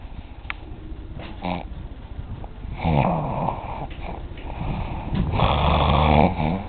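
Loud, rattling snores rise and fall with each breath in a small room; this is an adult snoring.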